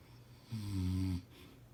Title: Husband snoring